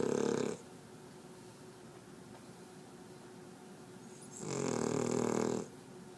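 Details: Loud snoring in a female dog: two loud, rasping snore bursts about four seconds apart, with quiet room hum between.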